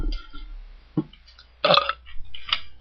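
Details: Deliberate burping in a burping contest made by request: several short, deep belches with pauses between them, in a quiet room.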